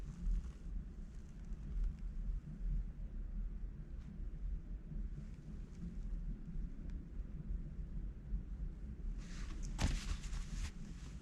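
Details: Deep, continuous low rumbling with faint gurgles and a brief crackle near the end, recorded on the spot when hunger struck: stomach growling (borborygmi) of an empty stomach.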